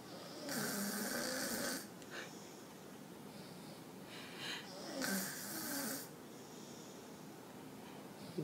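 Loud, rough snoring on two breaths in, each about a second long, with quieter breathing out between them. Heavy snoring in a young child.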